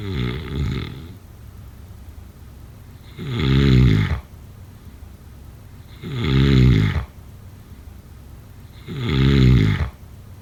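Deep, rumbling snores on each breath in, regular at about 20 breaths a minute, with quiet pauses between.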